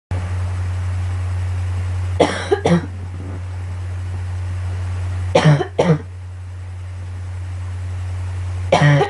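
A child gives three short bursts of coughing, mostly paired coughs, over a steady low engine-like hum in the background.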